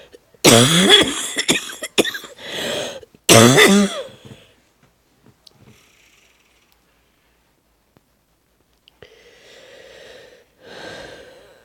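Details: Wheezing with loss of voice, as heard at night: two harsh coughing bursts with squeaky whistling tones, then quiet breaths with a faint musical wheeze.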